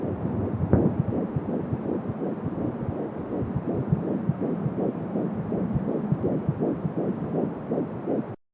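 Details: Fetal heartbeat at 12 weeks of pregnancy on an Angel Sound home fetal Doppler, rapid and regular at about 165–170 a minute, with a whooshing umbilical cord sound.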